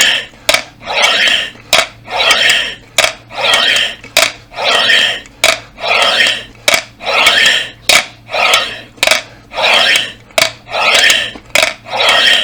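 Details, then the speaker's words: About ten forceful blows into a three-ball breathing exercise device, rushing airflow and rattling balls with quick inhalations between, by a man working lungs and abdominal muscles. "bu gerçekten Ee nefes egzersizi denilen olay çok faydalı ve bunu üflediğinizde sonuna kadar üçünü de yukarı kaldırdığınızda karın kaslarınızın çalıştığını Ee hissediyorsunuz"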